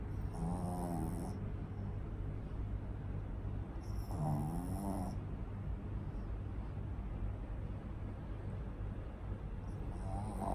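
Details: Pug dog asleep: loud, rattling snores about every four seconds over a steady low hum; heavy snoring.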